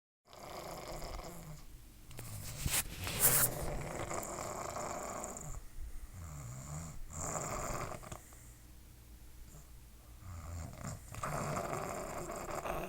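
Soft irregular rumbling snores with snuffling breaths in a quiet room; ordinary snoring.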